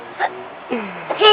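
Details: Three short, abrupt voiced catches about half a second apart, typical of infant hiccups, over a steady background hum; a baby hiccuping.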